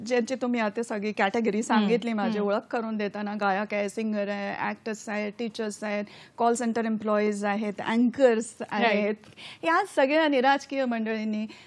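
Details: Adult woman; Normal speech.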